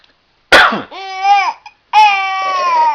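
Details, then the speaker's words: A sharp, deliberate cough burst followed by drawn-out voiced sounds: a parent playfully imitating a cough to amuse a laughing baby, not an illness sign. "Buddy? Mommy's coughing. Mommy's coughing, yeah. You like that, huh? How about if I cough, huh?"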